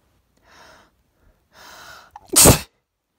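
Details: Allergy sneeze sprayed onto a mirror: two drawn-in breaths, then one loud explosive sneeze.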